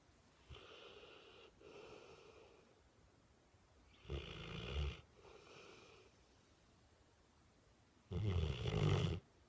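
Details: Loud rumbling, vibrating snores about every four seconds with quiet breathy sighs between, from someone snuggling close in a quiet room.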